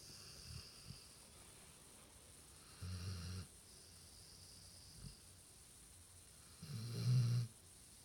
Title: Return of the snore monster